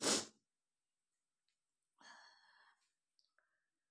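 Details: Woman deliberately triggering sneezes by tickling her nose with paper, eyes watering; one loud, sharp sneeze, then silence and a soft breathy exhale with faint clicks.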